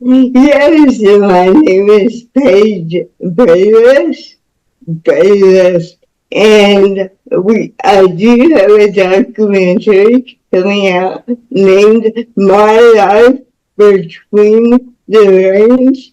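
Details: Speech of a woman about to turn 49 with lifelong cerebral palsy involving spasticity, born with the umbilical cord around her neck five times; doctors said she would never walk or talk.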